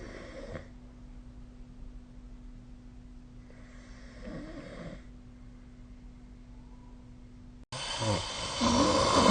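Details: Soft, rough snoring breaths during sleep over a steady low room hum, ending in a louder, harsher stretch.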